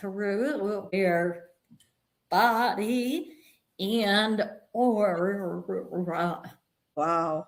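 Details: Vocal tremor in an adult woman, described as developing after decades of narcissistic abuse and trauma and manifesting in the body and nervous system; vocal tremor.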